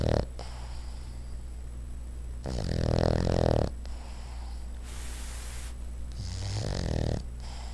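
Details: Sideways snoring: loud, rattling snores on each breath with quieter snuffling between them.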